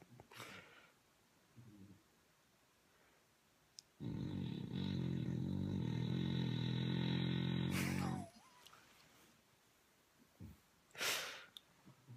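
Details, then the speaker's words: Sleeping bulldog snoring heavily: one long, loud rattling snore of about four seconds between soft breaths and brief noises. "Do you think you can keep it down to a dull roar?"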